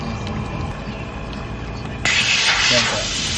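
Room talk and noise, then a sudden steady hiss as a nebulizer built into an oxygen concentrator switches on.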